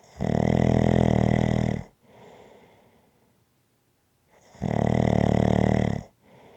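Two loud, rattling snores on breaths in, each followed by a quieter breath out; ordinary snoring.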